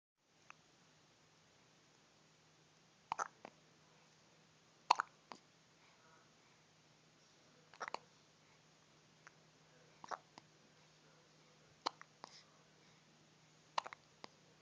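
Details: Brief, sharp hiccups from an infant girl about every two seconds in a quiet room; she often has hiccups and had them even before birth; infant hiccups.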